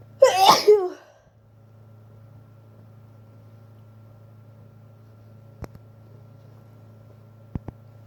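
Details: Loud, wet, messy sneeze during a cold, sneezes described as tearing at the throat, followed by quiet room hum and faint clicks.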